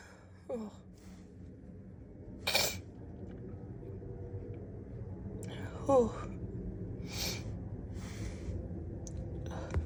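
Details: A few sudden, forceful sneezes from a female, each with a quick intake of breath before it, in a quiet room; sneezing.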